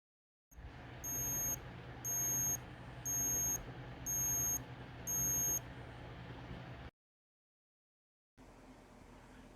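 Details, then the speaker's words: Digital thermometer beeping five evenly spaced high-pitched times, about one per second, over background hiss, signalling a finished axillary temperature reading in an adult (probe cover, dry axilla, arm across chest) in a care-skills return demonstration; reading 36.5. "place thermometer in dry auxilia direct it upward place client's arm across chest and wait until it beeps"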